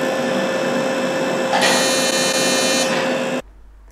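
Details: Steady mechanical whirring and hum, louder in the middle, then stopping: a non-ablative fractional CO2 laser handpiece treating numbed skin of the right cheek down to the jaw. The patient feels only mild warmth.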